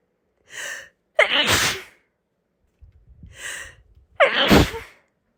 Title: First sneeze video